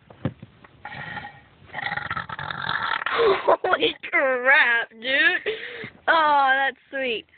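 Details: A child in a car making deliberate burps for fun out of boredom: a run of long, voiced belches that rise and fall in pitch.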